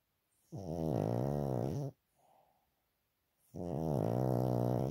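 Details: Sleeping pet dog's heavy snoring: two long, loud, rattling snores with a soft breath between; owner wonders whether he is breathing properly and may have a vet check him.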